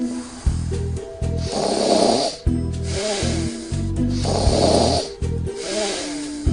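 Loud rattling inspiratory snores with softer breathy exhalations, about 20 breaths a minute, over background music.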